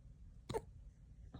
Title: Señor Sanchez and his little hiccups 🥹😭 #raccoon #cuteanimals #pets